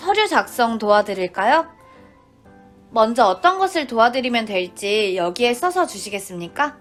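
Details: Adult woman (acted clerk role); typical speech.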